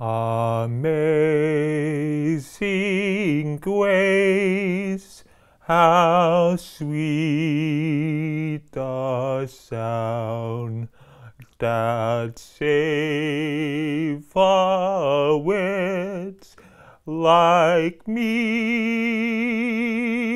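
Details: Aphasia in an adult man receiving intensive, individualized aphasia therapy, singing "Amazing Grace".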